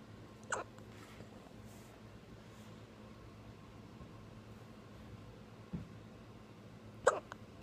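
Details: Hiccups in a young child who is talking with a parent: two or three short, abrupt catches a few seconds apart in a quiet room.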